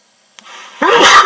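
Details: Sneezing: a short in-breath followed by one sharp, loud, explosive sneeze.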